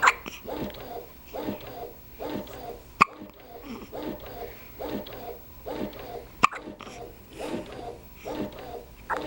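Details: Hiccups after a meal: sharp brief breath catches about every second between soft voiced sounds.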